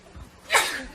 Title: KPOP IDOL SNEEZING MOMENTS